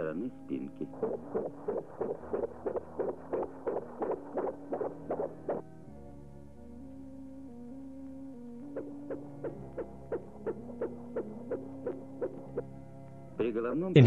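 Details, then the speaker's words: Fetal heart sounds in an educational film on breech and head fetal positions: rapid, regular soft thumps over background music. "battito cardiaco si sente più chiaramente sotto l'ombelico a destra oa sinistra, a seconda della posizione del feto."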